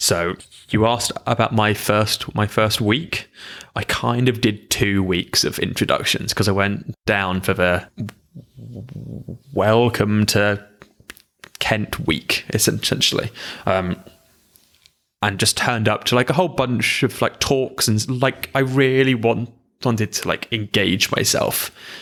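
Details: Stammering (stuttering) in an adult man, with long drawn-out blocks, including on his name; m and b sounds are hard for him.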